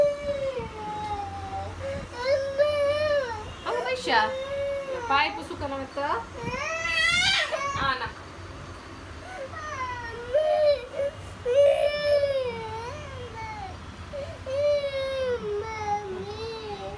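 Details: A child cries in repeated wavering wails with sobbing breaths over a steady low room hum; ordinary crying.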